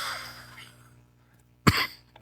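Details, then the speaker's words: Cough in a person getting over a common cold caught less than a week earlier, with a wheeze audible on breathing: a single short cough after a fading breath, then brief throat clearing. "can you tell like I'm getting over a cold? Like if I breathe, you can hear the wheeze."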